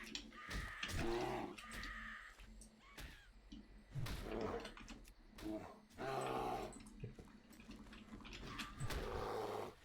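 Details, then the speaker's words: Female dog on a couch, sleeping or waking, with rough snorting coughs heard over steady electronic game tones; owner unsure whether it is something like sleep apnea, occurring on waking from sleep for about a month. "you can probably yep you can hear her coughing and snorting there I don't know if what she's got like sleep apnea like humans get or something like that"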